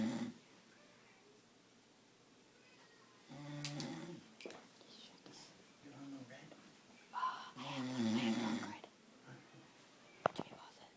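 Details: Man snoring while asleep: two rough, low snoring breaths with quiet room noise and faint voices between.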